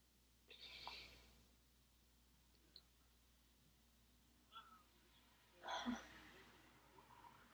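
Quiet room with two soft, muffled bursts of air held back through a closed mouth or nose: stifled sneezes.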